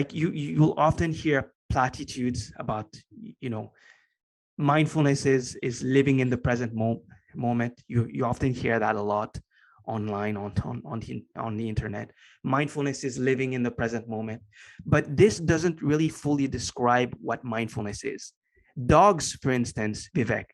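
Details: Lifelong stutter in a man, since as long as he can remember, now better controlled and barely audible after consistent meditation practice; part-word and word repetitions heard; stuttering.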